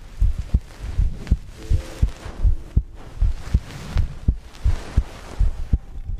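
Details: Steady low thumping heartbeat, about 80 beats a minute, with faint breathing between beats; heartbeat and breathing ASMR recording.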